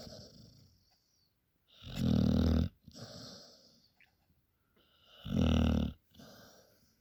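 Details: Loud, low, fluttering inspiratory snores with softer airy exhalations between, two cycles, from a dog sleeping after a hard working day; ordinary sleep snoring.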